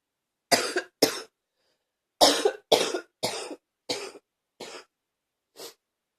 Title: # 87 still coughing...